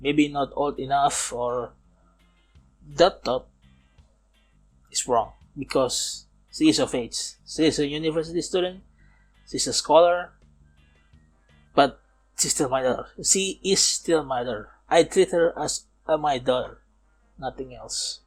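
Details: Man aged nearly 31, a non-native English speaker, who says he still stutters and that it is audible in this recording; stuttering.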